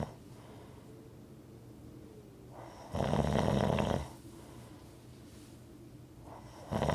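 Loud, rattling snores on each in-breath, about every four seconds, with quiet breathing between them.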